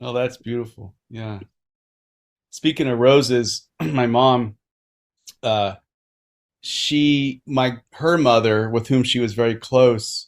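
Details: Adult speaker; no voice disorder.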